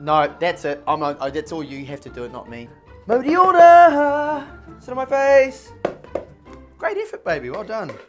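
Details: Adult man with Tourette syndrome, tics occurring during his speech while playing a game; vocal tics (Tourette syndrome).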